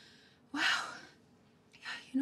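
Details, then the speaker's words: Acted film scene, not a real patient: a single sneeze heard as a sudden forceful burst of breath, then a quieter breath in. "know what? I think I feel a little better. That sneeze helped."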